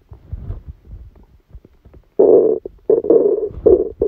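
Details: Irregular low gurgles and a few louder, drawn-out rumbles: active bowel sounds, stomach rumbling during a stomachache after Christmas dinner, recorded while the person was sleeping.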